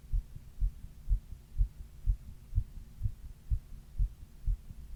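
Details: Adult's own heartbeat recorded while quietly reading, during a 102°F fever in the middle third of the 28-minute recording: regular, fast, dull beats at about 125 a minute over a low hum; rapid heart rate during fever.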